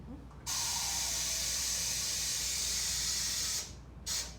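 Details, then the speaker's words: Loud steady hiss of gas for about three seconds, then a short second burst: anesthesia machine oxygen flush filling the breathing bag with pop-off valve closed during a leak test, pressure reading 20; machine has a tiny leak. "and then you're going to do your flush valve you're gonna fill it through your pressure such 20"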